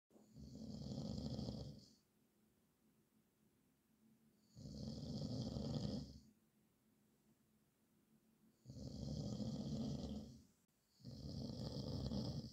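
Loud rattling snores on each in-breath, about four breaths in twelve seconds, quiet pauses between; heavy snoring.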